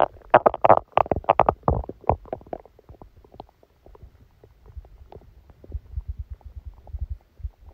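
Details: Active bowel sounds with irregular gurgling and bubbling rumbles from the belly, loudest at first then softer and scattered, recorded while sleeping with a stomachache that began after Christmas dinner.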